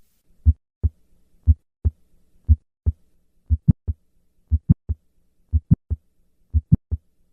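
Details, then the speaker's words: Mid-systolic click of mitral valve prolapse, click only with no murmur; the click responds to the squat maneuver in the expected fashion. "When the click is present, it responds to squat maneuver in the expected fashion. Listen to a patient with only a mid-systolic click."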